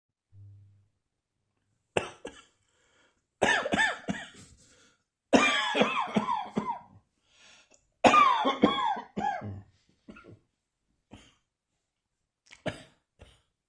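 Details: Adult coughing in several short bouts of rapid, harsh coughs with voiced tails and brief pauses between them; still coughing occasionally, a persistent cough.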